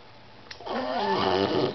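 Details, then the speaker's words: Rescued female beagle, debarked with throat scar tissue, also with food allergies, seizures and drooling, gives a single rough, buzzing, raspy, tonal breath sound: noisy snoring. "they debarked her so she's got scar tissue and hence the noise and um she drools sometimes but I love her"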